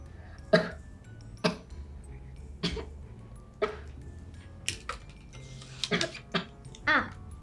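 A child's acted, repeated short dry coughs, about eight bursts in seven seconds, over soft background music and low room hum.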